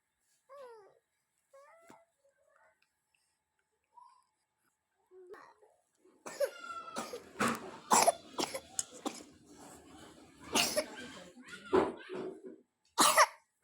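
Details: Child (younger sibling) coughing in a small room: a run of several sharp coughs between vocal sounds.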